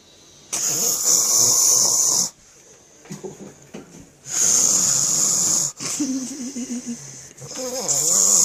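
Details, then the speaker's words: Long, loud, harsh snores, about three in eight seconds, with a faint voice between them, from a sleeping adult; snoring. "matt why is he so tired she sounds like a chihuahua"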